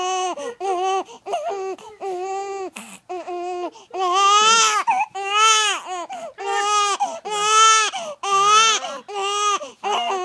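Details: Infant crying: repeated loud, clear cry bursts with short breaths between, strong and well sustained.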